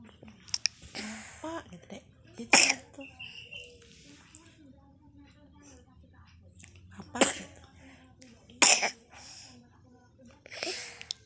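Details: A few short, sharp coughs from a child, with soft vocal sounds and throat noises between them.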